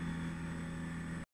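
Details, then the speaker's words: Zen-O portable oxygen concentrator running on continuous flow at 2 litres per minute through a mask, used for a person with cerebral palsy during chest infections: steady, fairly quiet low mechanical hum. "now it doesn't get any louder but when I take the mask off pipe you'll feel the air coming through there the oxygen coming through pushing through there yeah [Music] and that's how loud it is"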